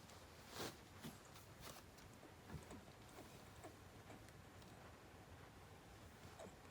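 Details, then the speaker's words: Shiba Inu dog hiccups: soft, brief catching sounds, about seven or eight in under seven seconds over quiet room noise, after which the hiccups stopped. "うわっ、止まった。しゃっくり止まったはあ、しゃっくり止まったね、豆。"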